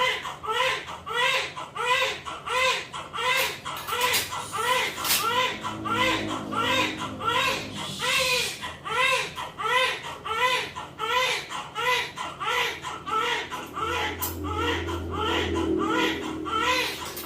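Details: Newborn's first cry right after a normal vaginal birth, delivered at 9:45: rhythmic, vigorous crying, about 87 cries a minute, with voices in the background, a normal strong cry.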